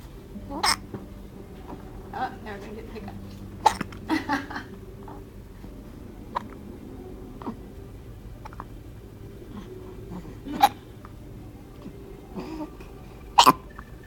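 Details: Person (described as "baby face") with hiccups: sharp, brief gulping clicks recurring at irregular intervals over quiet room noise, with faint voice between them.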